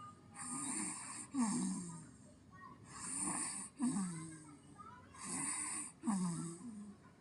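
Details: Snoring in a sleeping baby: three rattling, snorting in-breaths over about seven seconds, noisy upper-airway breathing.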